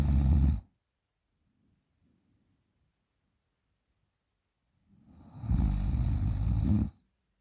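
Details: 20-year-old female snoring very loudly in sleep: two loud rough inspiratory snores separated by about four seconds' quiet pause.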